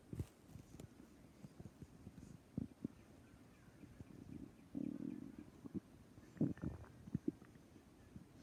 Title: Stomach growling